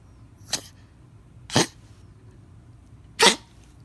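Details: Chihuahua sneezing for food instead of barking: three short, sharp, hissing nasal bursts about a second apart; sneezing.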